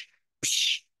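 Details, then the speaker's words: Voiced imitation of a carotid bruit over a carotid artery narrowed by atherosclerosis, in the context of transient ischemic attack: a single breathy swishing hiss in place of normal lub-dub. "but in a patient with a narrowed kateed artery so if this is the cored artery and it's narrowed as a result of atherosclerosis you're going to hear a swishing sound"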